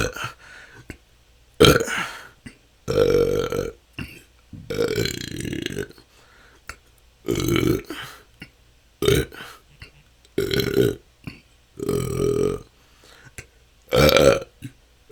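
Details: Adult with about ten loud, voiced burps in quick succession, each about a second long, part of 10 continuous minutes of natural burping; episodes last hours, a years-long struggle, felt to come from stored-up gas.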